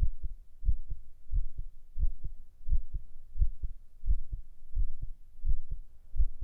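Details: Steady paired lub-dub low thumps at about 85 beats a minute with a soft low hum between beats, a binaural ASMR heart-sound recording for sleep; normal regular heartbeat.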